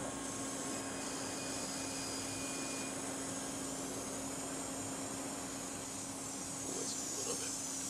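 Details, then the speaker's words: Steady rushing airflow with a faint whine and hum during an educational live demo of an Edge 1 CO2 fractionated laser on a patient's face for deep perioral and fine lines, with cold-air cooling; patient reports the air helps a lot. "How was that? How did you feel it? That's great. The air helps a lot."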